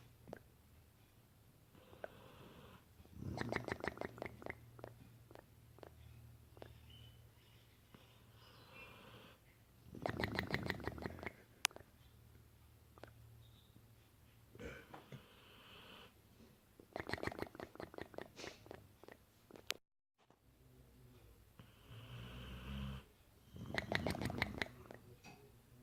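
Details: A sleeping Dogue de Bordeaux (French Mastiff) snores loudly, and his loose cheeks flap rapidly on each breath out; snoring.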